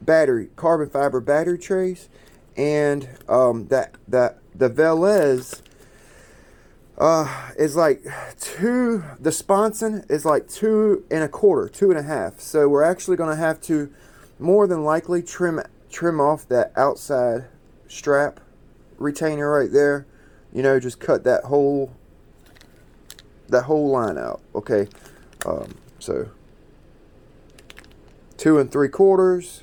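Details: Adult man who describes himself as someone who stutters and repeats himself a lot; stuttering.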